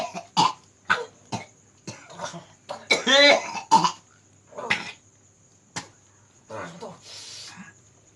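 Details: Man coughing for over 2 years, with no disease found despite many medical visits: repeated short, dry coughs, about ten bursts in eight seconds, with some throat clearing. Persistent chronic cough.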